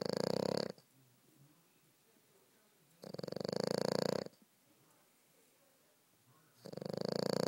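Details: French Bulldog snoring while asleep: loud rattling snores of about a second each, roughly every three seconds, with quiet pauses between.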